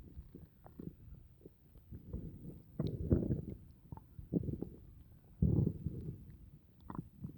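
Low gurgling and rumbling gut sounds in irregular bursts, typical active digestion after a meal.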